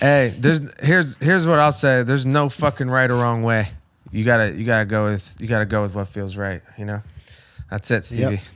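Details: Adult male speaker; normal voice.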